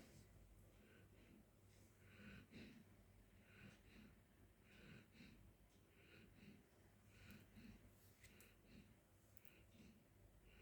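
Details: Golden Retriever sleeping on the floor: repeated soft snorting, snuffling breaths roughly every second over a steady room hum, with noisy nasal breathing and snoring during sleep.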